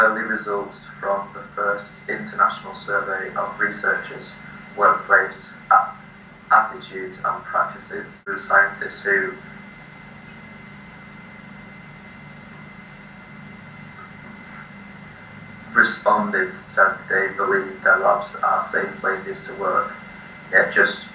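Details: 18-year-old male from the UK who has stuttered since age 4, with stuttering that had become more severe, reading a text aloud before a 3-day speech course; blocks and repetitions; stuttering.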